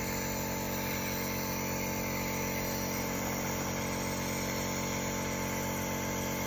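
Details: A nebulizer compressor is used with a mask for a child who has a cough: a steady mechanical hum and buzz that runs without pause.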